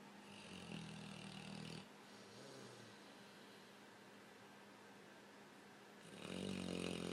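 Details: Overweight blue nose pitbull sleeping with odd facial movements, two loud rattling breaths separated by quieter noisy breathing; loud snoring.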